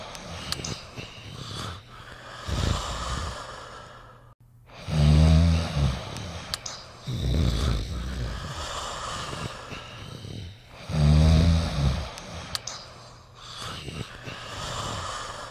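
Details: Two dogs, Beethoven and Smally, sleeping together: deep rumbling snores with low fluttering about every 3 seconds, plus softer breathing.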